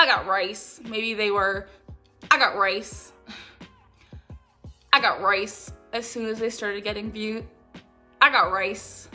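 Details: Complex vocal tics, a repeated phrase tic produced while talking, in a girl with Tourette syndrome who says she usually suppresses her tics.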